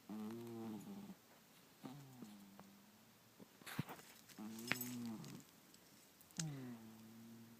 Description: My sleeping cat that snores to no end